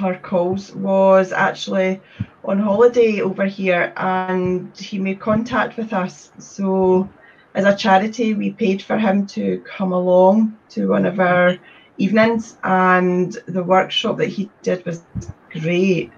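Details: Male who stammers, reports it worsens under pressure and that he has worked on his speech; repetitions heard; stuttering.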